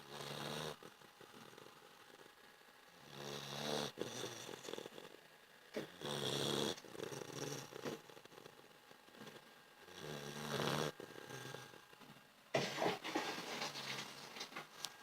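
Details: A sleeping dog snores rhythmically, with noisy snorting on each breath, repeating roughly every three seconds in a small room; snoring.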